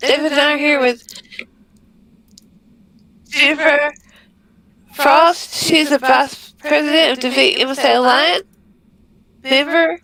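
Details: Woman with multiple system atrophy diagnosed in 2021, with audible tremor in her voice and a voice-box scope the day before; voice tremor.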